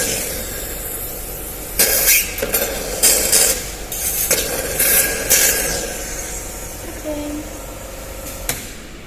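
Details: GEA YX930D portable suction pump demonstrated aspirating plain water, vacuum set via regulator with negative-pressure gauge in mmHg: steady pump hum with slurping, gurgling suction into the two-canister collection system; normally working unit.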